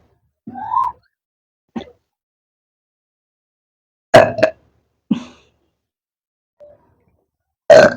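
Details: Several short, voiced burps separated by silent pauses, after eating Lahori cumin in a burping challenge.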